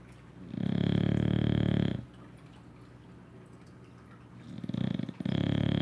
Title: Rygg English Bulldog snoring his butt off after a ruff day of doing nothing....